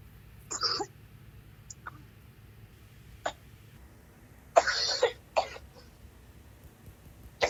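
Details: Coughing so hard the person wants to vomit: several harsh coughs with a quiet gap over a low background hum; a forceful coughing fit with an urge to gag.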